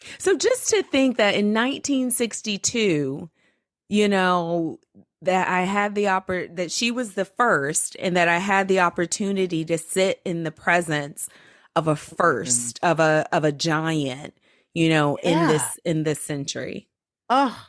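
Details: Adult woman speaking; normal speech.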